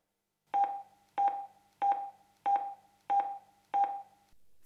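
Six evenly spaced electronic clicks-tones, roughly 94 a minute, a metronome pacing chest compressions during CPR.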